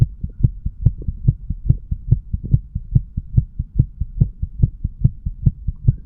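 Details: Heart sounds of a 35-year-old male recorded while sick and detoxing, at the mitral (bicuspid) area after the tricuspid area: fast, regular heartbeat with clear paired thumps, roughly 140 beats a minute.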